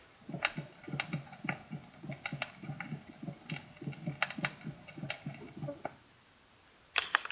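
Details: Split first heart sound.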